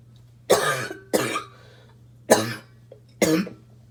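Four harsh, abrupt cough bursts in two pairs with brief pauses, a barking cough.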